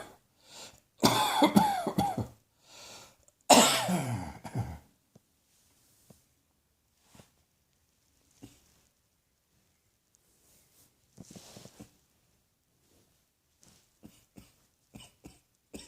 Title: Cross Dressing Coughing 15